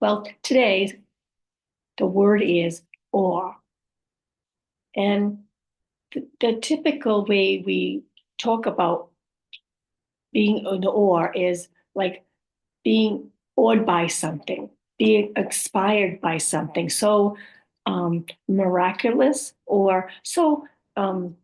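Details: Adult woman with aphasia, apraxia of speech and dysarthria after a stroke.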